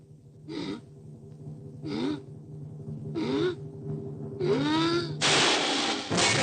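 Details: Cartoon elephant with soap suds in her nose: three rising breathy gasps build into two loud, powerful sneeze bursts over music, a staged sneeze wind-up.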